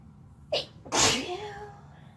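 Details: Female and male sneezing while lying on each other: a brief inhaled catch, then one loud explosive sneeze with a trailing voiced tail.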